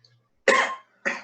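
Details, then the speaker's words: Simulated patient, 45-year-old man with a persistent cough for six months, worse at night, bringing up yellowish phlegm with blood streaks: two harsh, somewhat wet, rattly cough bursts. "Bueno, doctor, como usted puede ver, tengo una tos abundante. Esta, especialmente en las noches, es aún mayor. Y estoy botando una flema de color muy amarillento con manchas de sangre."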